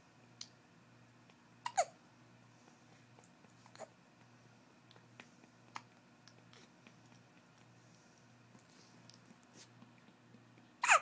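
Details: Baby hiccuping: a few short sharp irregular hiccup bursts over eleven seconds in a quiet room.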